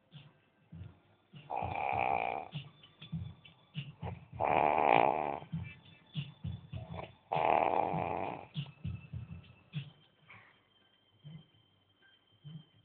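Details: Person snoring: three loud, rough snoring breaths about every three seconds, with softer irregular snorts and faint background music between them.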